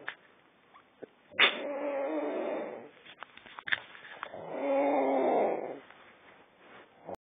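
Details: Loud snoring from a sleeping woman: two long, rough, rattling breaths drawn in several seconds apart, with quiet breathing between.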